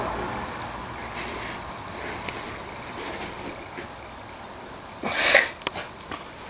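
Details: Dog rolling around during a sneezing fit: two sharp, hissing sneezes with rustling between them.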